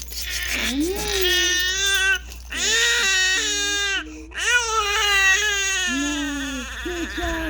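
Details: Loud, sustained, high-pitched wailing cry with long sobbing bursts and sharp catches of breath from a 4-month-old baby during ear piercing; distressed pain cry.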